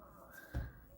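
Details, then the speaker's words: Adult's ordinary stomach growl (borborygmi) while baking cookies: a brief low rumbling gurgle in a quiet room with a faint steady hum. "stomach growling why are you growling now and then your stomach starts making that noise what am I Geor Carlin skit stomach gurgle"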